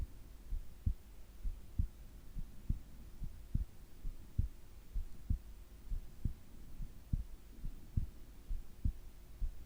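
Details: Soft, steady low heart thumps at about 66 a minute under a faint hum, recorded during sleep with breathing sounds; normal resting heartbeat.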